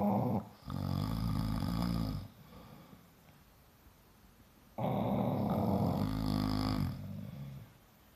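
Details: Sleeping bulldog, a flat-faced dog, snoring alongside its owner: loud, deep, fluttering snores on each breath in, quiet breaths out, about 15 breaths a minute; heavy snoring.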